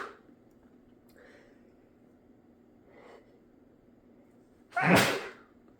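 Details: Adult with a stuffy nose that day, in a sneeze Q&A recording; quiet breathing, then one sudden loud explosive sneeze near the end: sneeze.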